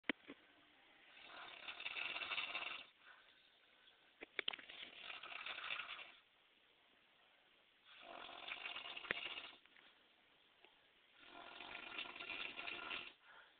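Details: A woman snoring at 3 a.m.: rhythmic, harsh, rasping snores about every three seconds, roughly 20 breaths a minute, with quiet pauses between them.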